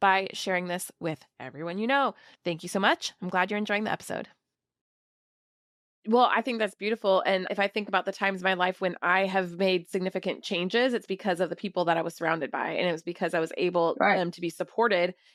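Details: Adult woman speaking; typical speech.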